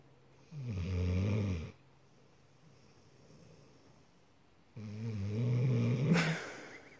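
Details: A male dog asleep: two long, loud, low rumbling snores on breathing in, separated by a quiet pause; his snoring can get loud and almost human-sounding.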